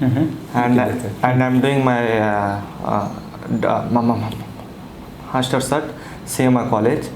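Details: 22-year-old man with stammering since childhood, speaking after 8 days of speech therapy; reports feeling only a little better, disfluencies remain; stammering.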